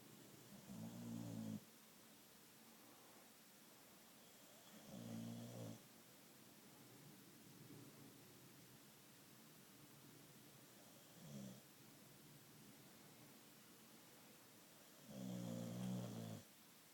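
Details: Rumbling snores recurring every few seconds, separated by quiet pauses, in a quiet room: snoring during sleep.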